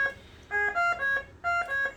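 Repeating groups of clear, melodic electronic tones from a BiPAP ventilator, sounding its disconnect alarm, which signals a break in the circuit, often at the mask.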